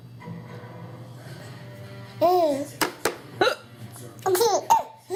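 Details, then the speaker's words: Sharp, sudden hiccups in an infant, mixed with giggling and babbling over soft background music; a normal finding. "Mama got the hiccups?"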